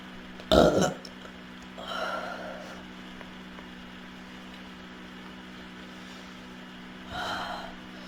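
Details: A girl burping and hiccuping uncontrollably: three loud, throaty belches spread over several seconds against a steady background hum, repeated burping.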